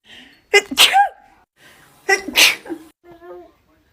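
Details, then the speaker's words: Woman with bad allergies and swollen eyes: two loud sneezes, each preceded by a short inward breath, then brief quiet vocal sounds. "This is a compilation of me sneezing."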